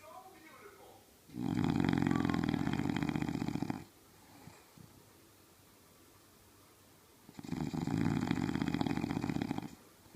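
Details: Bulldog asleep snoring loudly: two long, loud, harsh rattling snores with a quiet pause between them; heavy snoring.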